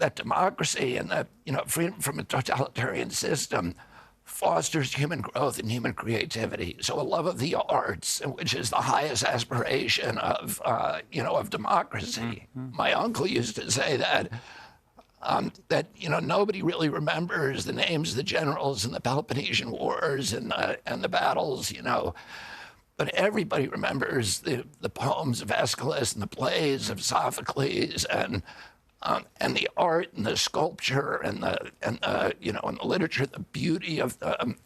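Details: Adult man, spasmodic dysphonia, described as the neurological disorder spasmodic dystonia, onset at 42 after a 1996 injury; nerve signals tighten vocal cords constantly, cords uninjured; Kyoto surgery about eight months earlier made voice more reliable; now trying alternative therapies.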